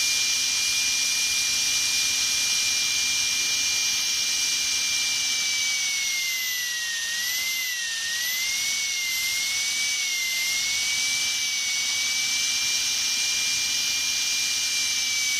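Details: Stock dentist drill sound effect: a continuous shrill whine with a wavering pitch in the middle, as if under load.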